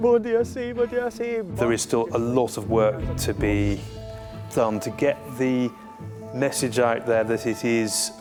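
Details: Adult male serviceman who stammers, a founder of the defence stammering network, speaking in an interview; stuttering.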